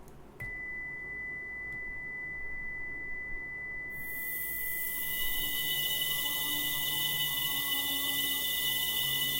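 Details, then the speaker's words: Simulated tinnitus: a steady high-pitched tone over Bach's Air on the G String with a 2 kHz band filtered out, demonstrating notched sound therapy for tinnitus confined to a specific frequency; the music sounds thin. "클래식 노래를 노치형 필터를 이용해서 듣고 계십니다"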